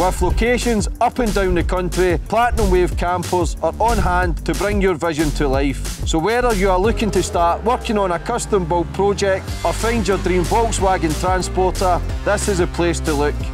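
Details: Adult male speaker; normal speech.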